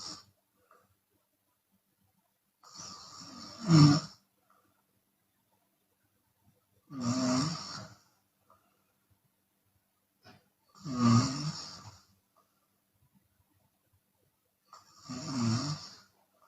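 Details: Chinese woman snoring with her mouth open, sometimes on exhalation: loud, harsh snores about every four seconds, roughly 8 breaths a minute, with quiet gaps between; heavy snoring.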